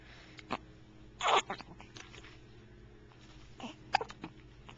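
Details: Short, abrupt hiccup bursts at irregular intervals against low room noise, recorded with a Flip Video camcorder. Hiccups.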